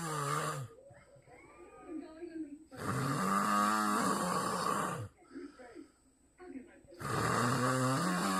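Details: Snoring: loud, deep, rattling growl-like snores, grizzly-bear-like, about every four seconds with quieter exhalations between; heavy snoring.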